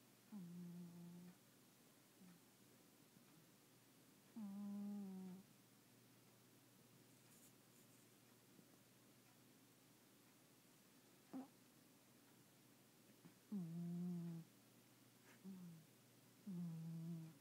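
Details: Chloe, a sleeping cat, makes soft, low, humming snores in short bursts at irregular intervals, recorded from nearby; cat snoring.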